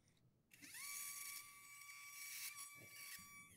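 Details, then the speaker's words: Demonstration of revision cervical total disc replacement; the drill was not fully seated and is re-drilled. High-pitched whining surgical drill spins up and runs steadily for about three seconds. "there that seems very short on my drill is that is that this must not be down all the way this is not seated there you go is it seated now yep all right let me reset let's redrill that"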